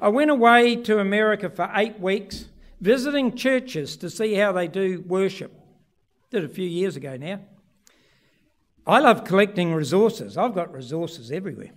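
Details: Adult man; normal speech.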